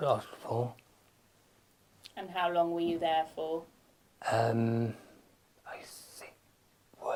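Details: Adult man with aphasia after a stroke, speaking in conversation where the partner is not using supportive communication strategies; aphasia.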